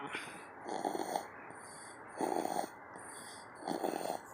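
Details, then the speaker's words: Sleeping baby boy weighing 13 pounds, napping and snoring hard: three rough, raspy breaths at regular intervals, about 40 a minute, over background hiss. "And snoring. That mama baby boy."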